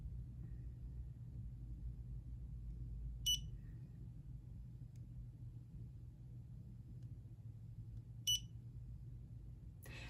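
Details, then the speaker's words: Short high electronic beeps about five seconds apart over low room hum: dental curing light set for 20 seconds curing a layer of composite in a dental assisting training demonstration. "when they're happy with the shape or they're ready to cure that layer of composite we are then going to set it for 20 seconds and cure all the surfaces as needed"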